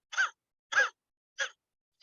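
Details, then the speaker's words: Cough in a dog, a type of cough that does not bother the animal or keep it from sleeping, so owners often wait four or five days before consulting. "ya lo malo de este tipo de tos es que los pacientes Perdón los clientes demoran en consultar ya que no es una les moleste directamente esta tos los deja dormir"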